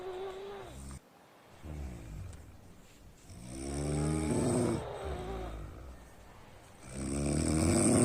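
Loud, deep rattling breaths on each inhalation with pauses between; heavy snoring.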